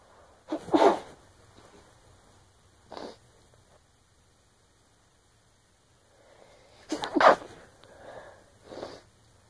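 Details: Female sneezing and nose blowing: two sharp sneezes, each preceded by a brief indrawn breath, followed by sniffing and nose blowing.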